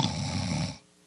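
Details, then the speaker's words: Imitated simple snoring: one low, rattling rumble under a second with steady airflow, then quiet; ordinary snoring with continuous airflow, said to disturb others but not the snorer's health or sleep quality. "对，这个声音，这个是一般的打呼，这个表示空气一直有在流通。对，所以这种打呼只会影响旁边的人，对自己的健康跟睡眠品质不会有影响。"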